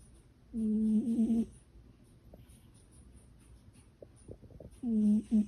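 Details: Tired sleeping cat snoring, loud enough to sound like dad had come home: short, buzzy, tone-like breath sounds recurring with pauses between.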